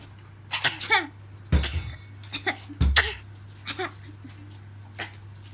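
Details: Two abrupt, explosive sneezes among lighter voiced sounds and laughter over a low room hum, a sneezing exchange between a 1-year-old baby and grandmother; sneeze.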